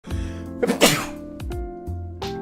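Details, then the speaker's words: A single loud, explosive sneeze from a male streamer, heard over a steady musical tone. He says he changed his way of sneezing; he used to sneeze quietly out of his nose. "For my entire life, I used to sneeze out of my nose, and it wasn't very loud. Like, most of you probably wouldn't even know when I'd sneeze."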